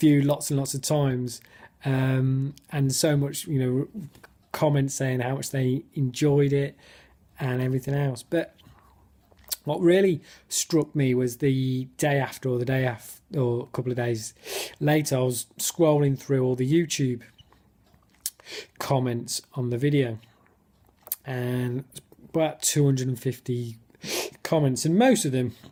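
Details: Male stammerer in spontaneous speech in a football fan-cam interview, with his speech technique gone; he describes lots of blocks and clearly overt stammering; stuttering.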